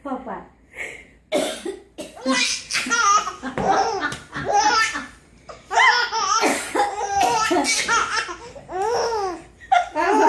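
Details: Grandmother coughing: several short, harsh adult cough bursts interleaved with a baby's high, squealing giggles in a small room.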